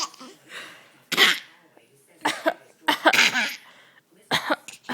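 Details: Infant deliberately mimicking coughing: about four short, breathy cough-like bursts, imitation rather than illness cough; voluntary cough.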